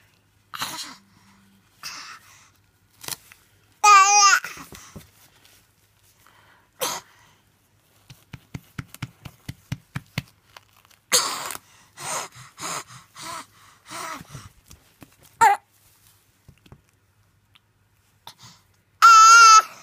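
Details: A young child crying and coughing from croup: short coughing bursts between high-pitched cries.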